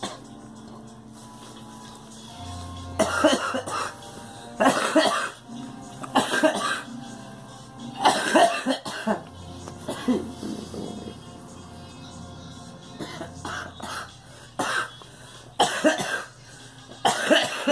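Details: Girl coughing in a series of about ten short, harsh bursts over soft background music.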